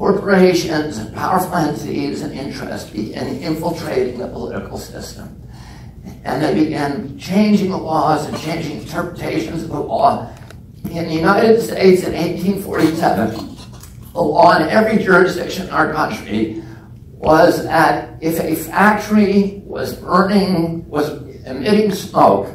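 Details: Spasmodic dysphonia in an adult man, self-reported as spasmodic dystonia with onset at age 42 causing voice tremble; he says it is painless and lessens or goes away after speaking a while.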